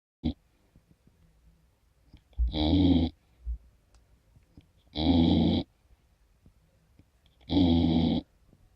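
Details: Golden retriever puppy, 15 weeks old, snoring: three rough, rattling snores at a steady pace of about 24 a minute, with quiet room sound between them.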